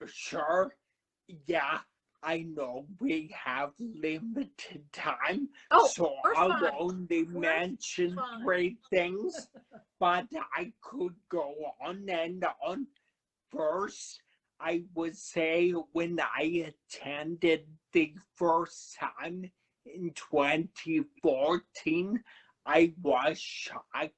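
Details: Adult man, about 35 at a cerebellar stroke in September 2013, initially unable to talk; paralyzed vocal cord, voice like permanent laryngitis, with aphasia also mentioned: dysarthria with dysphonia after stroke.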